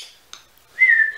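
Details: Adult with tics, worse that day, talking on camera: whistling vocal tic.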